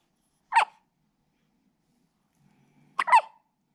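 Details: Hiccups in a little one: two abrupt, brief hiccup sounds about two and a half seconds apart in a quiet room.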